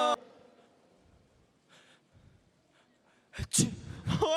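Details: After a quiet stretch, a sharp intake and sudden explosive burst of air, followed by a brief voiced sound; a single sneeze.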